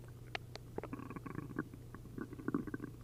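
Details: Upset stomach after drinking a liter of milk and a liter of prune juice: continuous bubbling and gurgling with rapid popping squelches over a low hum, giving loud hyperactive bowel sounds (borborygmi).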